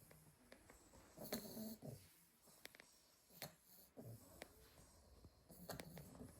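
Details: Litter of 8 sleeping Staffordshire bull terrier puppies: soft, irregular snuffling snores with small clicks and squeaks in a quiet room; ordinary sleep snoring.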